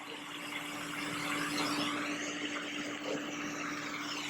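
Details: Steady whooshing suction hum with a constant low tone from a smoke evacuator (vacuum) running during live carbon dioxide laser resurfacing of a patient's lower eyelids, one full pass per side, now on the left side.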